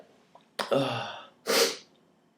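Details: A quick indrawn breath with a voiced build-up, then a forceful sneeze burst, triggered by pulling nose hairs; an ordinary sneeze.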